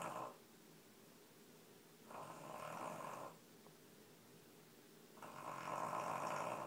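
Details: snoring: Sleeping baby snoring with soft, rhythmic snoring noises, each lasting about a second, with quiet gaps between them.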